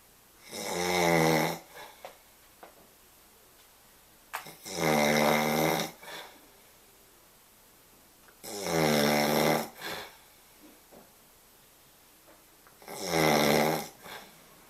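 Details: Adult man napping, jokingly described as a pregnant, belly-busting man: four loud, rattling snores on inhaling, about 14 a minute, with quiet pauses between; ordinary snoring during sleep.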